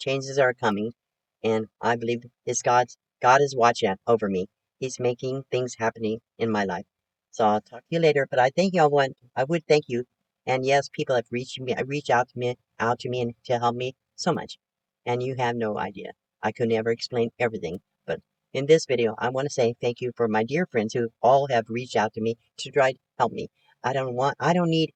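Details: Post-stroke aphasia with word-finding difficulty in a 72-year-old woman recovering from her second major stroke, which she says affected her thinking; speech improving, with repetitions and self-corrections.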